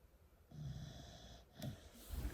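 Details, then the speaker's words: A sleeping dog, worn out after a pumpkin-patch outing, gives a single low, rumbling snore with a faint whistle, followed by a brief snuffle. "See this sleepy? Can you hear her snoring?"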